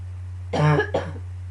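Two quick, harsh, voiced coughs over a steady low hum. A brief morning cough.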